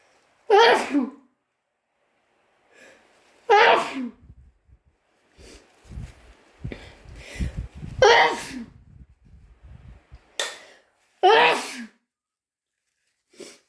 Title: Wet chhinkni sneezes